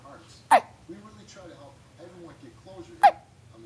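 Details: Baby in a bouncy seat with the hiccups: two abrupt hic sounds about two and a half seconds apart, with soft voices and a steady hum in the background.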